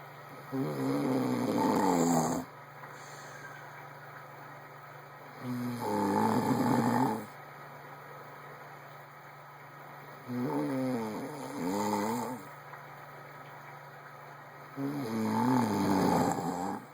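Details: Loud rattling snores on each breath, about 12 a minute, with quiet pauses between and a steady background hum; ordinary snoring.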